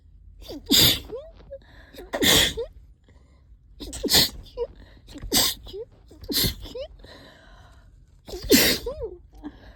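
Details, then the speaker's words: Rapid run of six forceful sneezes in about ten seconds, each with a sharp gasp before, from an allergic sneezing fit triggered by cleaning a trap, nose and throat hurting; repeated sneezing. "Oh, excuse me. Oh, excuse me. God, I can't stop."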